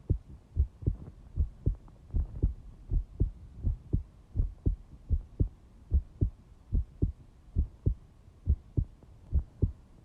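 Steady, low double thumps, lub-dub, at about 75 beats a minute, with a soft hum underneath.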